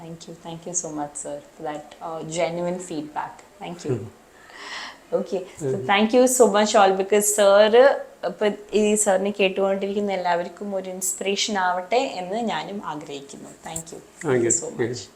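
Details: Adult woman speaking; ordinary speech.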